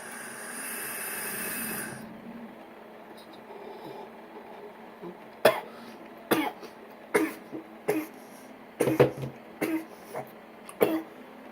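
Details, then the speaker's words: After a brief exhale, about eight short, dry coughs in quick succession after inhaling a dab of concentrate, despite trying hard not to cough; a coughing fit. "so what I like to do is after I take with Deb I just sort of sit there and I try my hardest not to coffin every dunk off it won't lead to a whole bunch of other calls preceding that"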